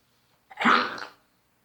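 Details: A senior pug diagnosed with collapsed trachea gives her regular cough: a single harsh, honking cough from a small dog; tracheal collapse cough.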